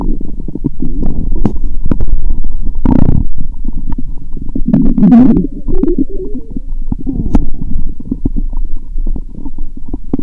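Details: Adult lying down after drinking many lactic acid bacteria drinks, stethoscope placed gently on the abdomen: continuous low gurgling and rumbling with brief bubbling squeaks; loud, active bowel sounds (borborygmi).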